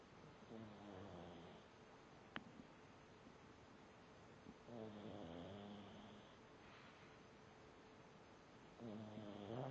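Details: Sleeping pug snoring loudly enough to drown out the TV: rough, rattling snores with each breath, about three over ten seconds; upper-airway snoring.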